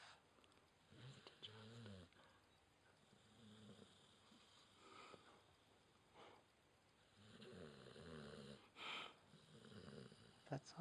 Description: This is a short clip of our Border Collie/Dingo SNORING her ass off in my arms!